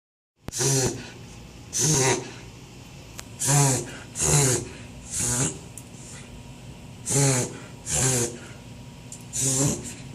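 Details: Beagle making a run of loud, honking, snorting inhalations: a reverse-sneezing episode.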